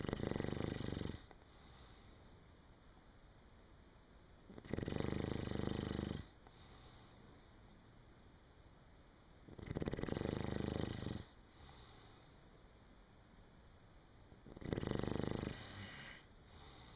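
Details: Loud, rough snores on each in-breath, about every five seconds (roughly 12 a minute), with quiet between them.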